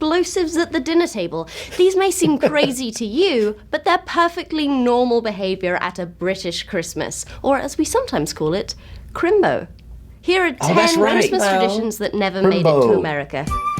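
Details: Adult woman narrating; Normal speech.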